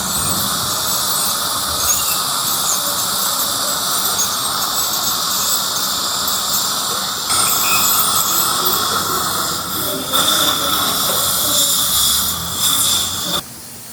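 Steady high-pitched whine and hiss of a dental instrument running, with shifts in pitch and a loud room.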